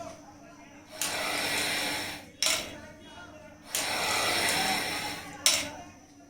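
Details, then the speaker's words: Triflow incentive spirometer held upside down for the exhalation exercise in a Covid-19 breathing-exercise demonstration: deep breath in, then two long forceful breathy blows out, each ending in a sharp rattling click. "उल्टा करने के बाद जब हम होती है लोग पहले गहरी सांस नहीं और मौत हम लोग सांस को बाहर छोड़ेंगे स्पीड से है है"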